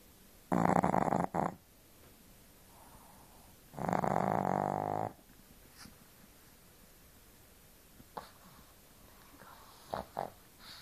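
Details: 5-month-old pug puppy sleeping and snoring: two long, loud rasping snores about three seconds apart with soft breathing between.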